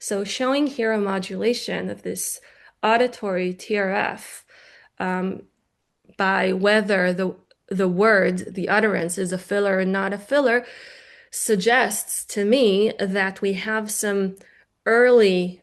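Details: Adult woman lecturing; normal speech.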